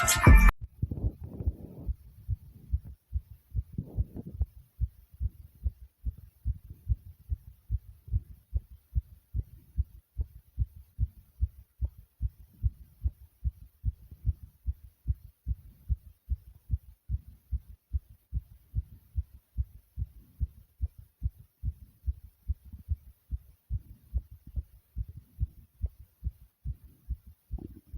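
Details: Rapid heartbeat with heavy breathing after 40 jumping jacks and sudden choking: fast, steady low thumps, roughly 140 beats a minute.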